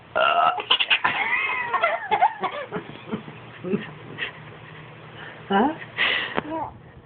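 Short burp-like sounds mixed with voices and a baby's giggling; ordinary burping with laughter.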